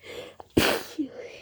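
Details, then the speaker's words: A quick inward catch of breath, then one sharp, forceful sneeze into tissues from a girl with a cold, who also reports allergies; part of a sneezing fit. "I'm sneezing into tissues, but they're all getting wet."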